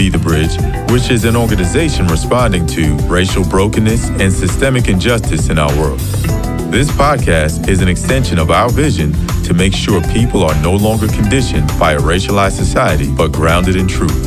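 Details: Adult speaker; Normal voice.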